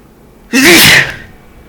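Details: Sneezing in what is labeled an intense hay fever sneezing fit (a cold is also mentioned): one sharp, explosive sneeze with a brief voiced onset.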